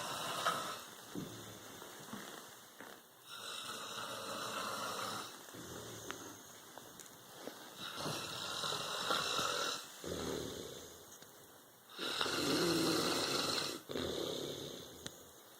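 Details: Loud, rough snoring with long noisy breaths, roughly 15 a minute and somewhat irregular, during sleep.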